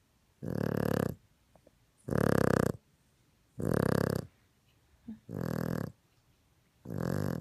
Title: Maltese Christmas snore